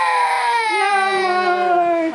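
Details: A toddler with cerebral palsy gives a single loud, sustained wail with slowly falling pitch, crying when the family dog is scolded.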